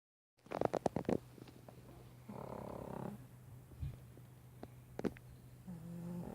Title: Fuglet the pug snoring on my work case